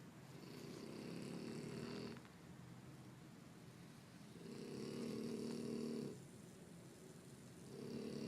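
Slow, regular rumbling snores, about three breaths over eight seconds, each a drawn-out noisy inward rattle with quiet pauses between. Snoring.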